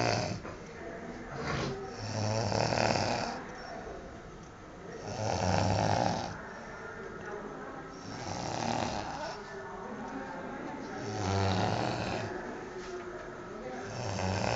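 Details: Loud, rattling snores from a sleeping man, repeating steadily at about 20 a minute with each breath in, loud enough to be heard from the next room; snoring.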